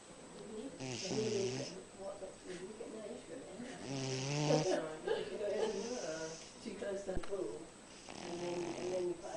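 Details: A dog snoring.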